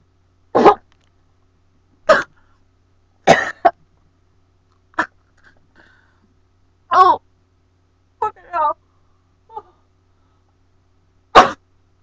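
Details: Cinnamon challenge: harsh, repeated choking coughs with throat clearing and strained gasps after inhaling dry cinnamon powder, which irritates the airway.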